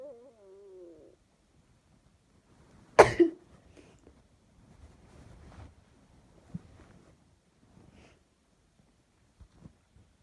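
A single sharp, explosive sneeze in a quiet room, followed by faint shuffling and rustling.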